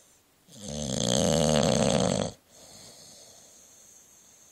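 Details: One long, loud, rattling inspiratory snore then quiet noisy breathing from a sleeping bulldog, recorded by phone about 30 cm away.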